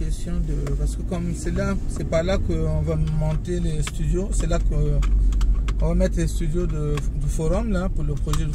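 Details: Adult speaker; normal voice.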